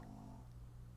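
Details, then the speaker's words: Dog snoring loudly while asleep: low, rumbling purr-like snore heard steadily. "somebody's snoring big time"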